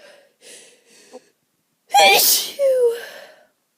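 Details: Person with an itchy, allergic nose all day: soft sniffing inhalations build to one loud, explosive sneeze with a voiced trailing sound, a relieving allergy sneeze.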